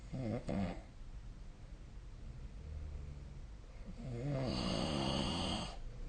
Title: 🐽 いびきの音 / Snoring Sleep Sound 2025/05/24